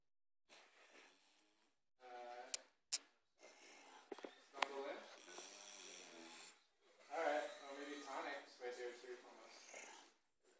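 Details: A sleeping dog snoring over New Year, with rough, buzzing breaths and tonal rattles on long drawn-out breaths.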